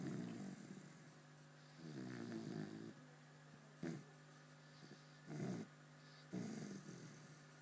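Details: Person sleeping soundly: rhythmic rattling snores with short snorts between them in a quiet room, about three breaths over seven seconds; snoring.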